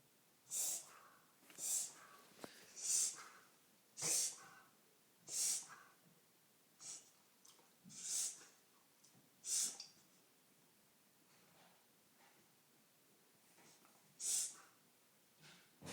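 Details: Dog with repeated harsh, hissing wheezy breaths, about ten in sixteen seconds; often occurs after eating a rawhide treat, but sometimes for no apparent reason.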